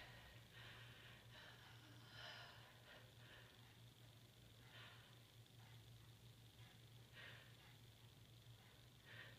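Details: Person with a cold in a prolonged ticklish pre-sneeze phase: repeated short nasal snorts and sniffs over a low steady hum, with one building breath near the start, echoey room with ticking cloth.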